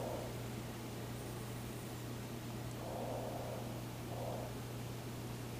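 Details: Soft, regular normal breath sounds from a Laerdal Vital Sim simulator mannequin, with volume raised so breathing is audible without a stethoscope, and a steady low hum underneath.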